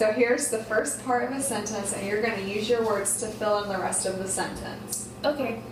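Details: Adult woman speaking; Normal speech.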